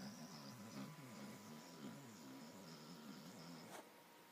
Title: Skibo - Snoring Border Collie